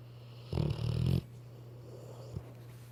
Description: Weimaraner's snore worse than grown men